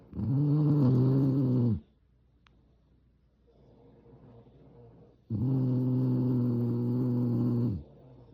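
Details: Female French bulldog snoring while dreaming: two long, low, rumbling snores with a quiet pause between them; snoring.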